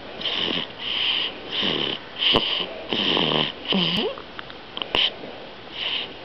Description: This is me snoring after drinkingsome of mom's milk.